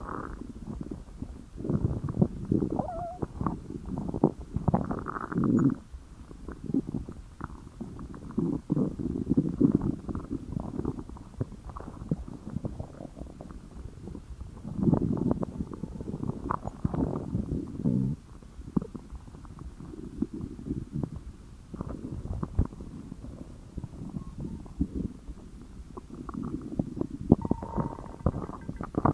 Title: Stomach Growling